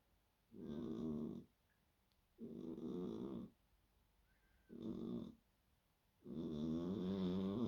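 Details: Sleeping cat snoring: four rough, rattling snores with quiet pauses between breaths, about 30 breaths a minute.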